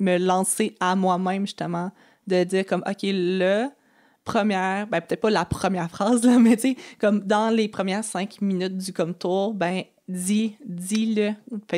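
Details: Adult woman who has stuttered since age 6 (developmental stuttering) and had about 4–5 speech therapy courses across primary school, secondary school and university; real, natural conversational speech showing stuttering.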